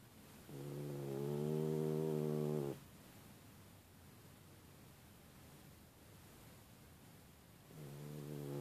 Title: Tess the Incredible Snoring Dog